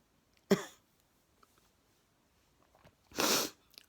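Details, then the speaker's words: Person filmed at night in a dark utility room during an ongoing sneezing bout: two abrupt explosive sneezes a few seconds apart, the second a long hissing blast, with a sniff. "some things i have to do for you guys just to get a sneeze on film well there's a sniff and that was a sneeze"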